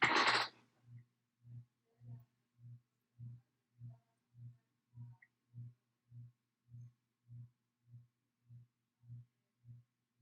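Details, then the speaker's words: Normal heart sounds heard by a student nurse during a cardiovascular assessment, stethoscope bell with a lighter touch, patient leaning forward: steady, regular lub-dub at about 100 a minute after brief stethoscope rustle. "okay okay so now we're going to listen with the bell using a lighter touch here uh all right so let's see okay lean forward a little bit okay do that again okay good so everything sounded normal"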